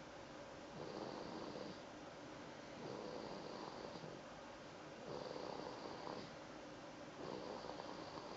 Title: Snoring Smooch